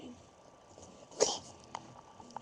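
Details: A single sharp, hissing sneeze from a girl who has been sneezing all day, in a quiet room with faint clicks after.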